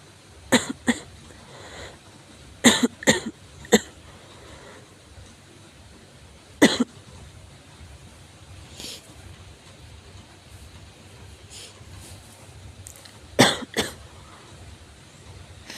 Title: 咳が酷 severe cough